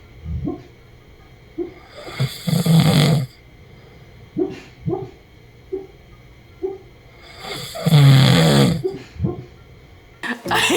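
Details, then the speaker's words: Adult man (husband) snoring while asleep at night, recorded by his wife: two loud, rattling inhaled snores about five seconds apart, with softer breathing noises between; ordinary heavy snoring. "so my husband says he does not snore in this video i'm gonna prove him wrong show you guys who's the victim because i cannot sleep most of the time"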